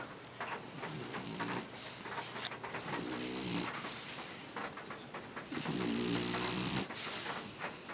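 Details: French bulldog asleep, giving three rattling, fluttering snore breaths over about eight seconds with some room noise: snoring.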